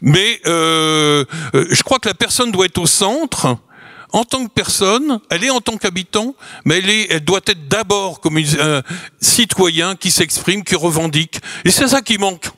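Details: Adult speaker; Ordinary speech.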